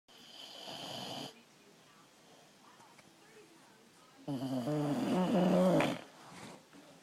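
Two loud rough snoring breaths, one with a buzzy, tonal flutter, separated by quiet; ordinary snoring.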